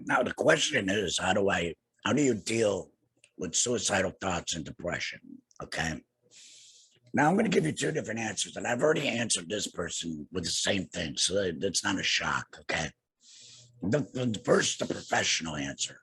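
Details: Adult man two years after laryngectomy for cancer treated with radiation and chemotherapy; no larynx, breathes through a neck stoma, speaks via tracheoesophageal puncture (TEP) voice prosthesis with HME; tracheoesophageal speech after laryngectomy.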